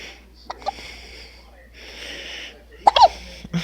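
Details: Brief sharp catches of breath spaced through the clip over background talk, fitting hiccups.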